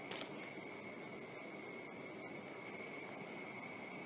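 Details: Philips Respironics REMstar CPAP machine with heated humidifier running in therapy mode: soft, steady airflow hiss with a faint high whine.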